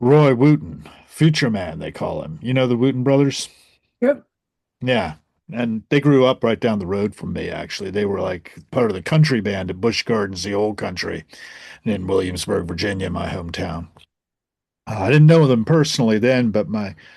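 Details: Adult male speaker in conversation; normal voice.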